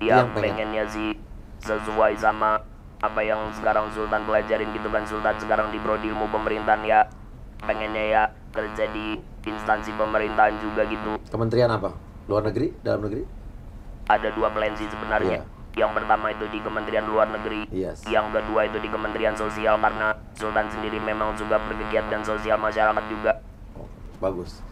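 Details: Male university student whose larynx was crushed when a hanging fibre-optic cable caught his neck while riding a motorbike; larynx and vocal cords removed, breathes permanently through the neck, speaks with assistive device; electrolarynx speech after total laryngectomy.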